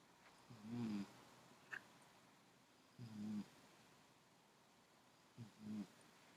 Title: Conrad the cat snoring!